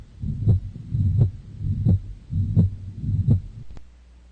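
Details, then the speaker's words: Mitral regurgitation heard best at the apex (fifth intercostal space, midclavicular line): regular heartbeat about 85/min with a steady blowing systolic murmur filling the gap between beats. "And the mitrogitation murmur is heard best at the apex which is the mitro listening area that we talked about earlier."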